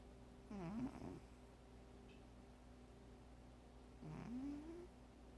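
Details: Data, a sleeping cat: two soft, squeaky snores, each with a sliding whistle-like pitch, over a steady low room hum; snoring.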